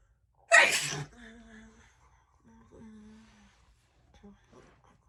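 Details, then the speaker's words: Woman who says she feels unwell that day, sneezing: one loud, sharp, quick sneeze burst followed by soft voiced sounds and breaths; an ordinary sneeze. "what hey hmm well that is it for today i hope you enjoyed those little fast and quick sneezes"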